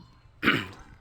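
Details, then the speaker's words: Person with a cold, hoarse voice and cough, walking outdoors: one short, harsh cough against faint outdoor background. "Yan. Medyo na maos tayo. May sipon tayo at saka ubo."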